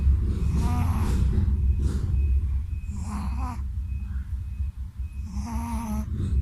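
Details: Shih Tzu dog snoring while asleep after a bath: loud, rough snores with whistling nasal squeaks on several breaths over a steady low background rumble.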